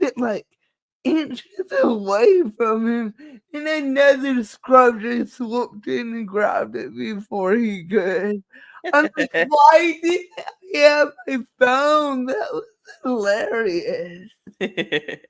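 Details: Woman with cerebral palsy, which she says is why she talks this way and cannot be changed; dysarthria (cerebral palsy).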